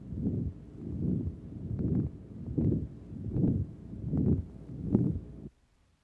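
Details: Woman with heart valve disease before surgery, murmur from another chest area due to a deformed second valve: regular heartbeat near 78/min with rough whooshing murmur filling the gaps; historical 1955 recording.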